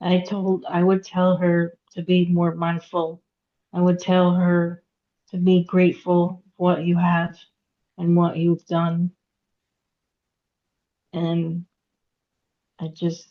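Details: Aphasia in a woman after a hemorrhagic stroke at age 36 in September 2018; she could not talk for 2 years and had 2 years of speech therapy. She still has trouble getting her point across, reading and writing.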